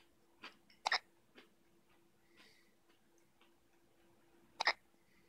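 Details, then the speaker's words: Two sharp, brief hic sounds about four seconds apart over quiet room noise; hiccups. "There you go. Get rid of all those hiccups."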